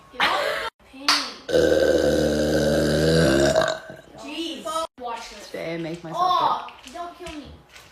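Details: Adult woman (a mother) burping, who says she sometimes swallows air: a long, loud, voiced burp, then shorter belches mixed with speech; ordinary belching.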